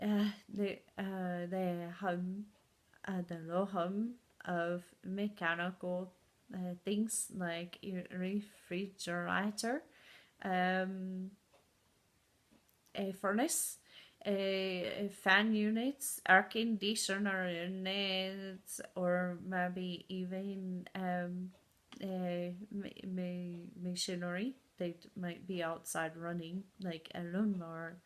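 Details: Adult woman with aphasia and foreign accent syndrome caused by a stroke four years ago, with memory problems; good and bad speaking days, accent heard as from places like Scandinavia or Ireland.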